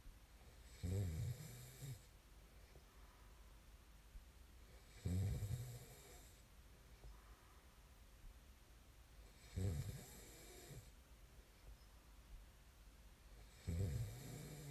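Regular low rattling snores on inhalation, about 14 a minute, with quiet pauses between. Ordinary snoring during sleep.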